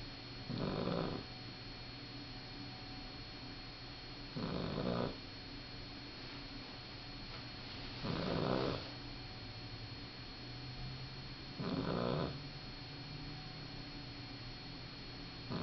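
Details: Sleeping male puppy snoring: four rhythmic rattling snores, about 17 per minute, over a constant background hum.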